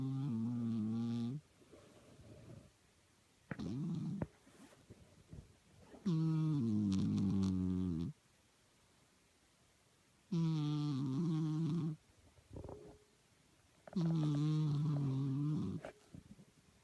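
Slow, droning snores with a humming, voiced quality, about four long snoring breaths with quiet pauses between them.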